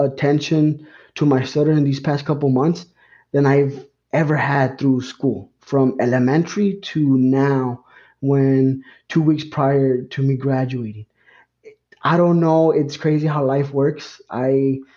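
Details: Real stuttering in an adult man who has stuttered all his life; it first became noticeable around third grade when reading aloud in class.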